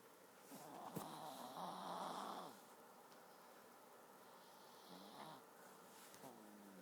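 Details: Seven-year-old male (species not stated) sleeping with tongue sticking out: soft, rough breathing noises with snoring on the breaths over quiet room noise.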